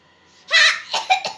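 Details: Child coughing in a staged cute skit, said to be coughing because a phone was not given; the child insists the phone, not medicine, will cure it.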